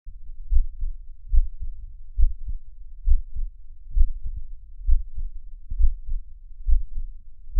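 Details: Steady low lub-dub heart sounds at about 68 beats a minute, a regular resting heartbeat; normal heartbeat.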